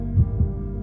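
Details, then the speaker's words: Simulated healthy heart beating in a TV advertisement: two soft low thumps, one lub-dub pair, with a steady hum behind; normal heartbeat. "It's a sound we take for granted, a healthy heart beating away."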